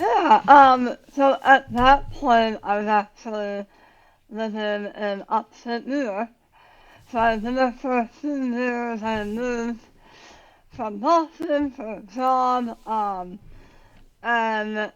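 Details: Adult woman about 9 years after tongue cancer surgery, partial tongue removal with leg-flap reconstruction, plus radiation; had to relearn talking, worse when tired, some words she cannot say; articulation difference after glossectomy.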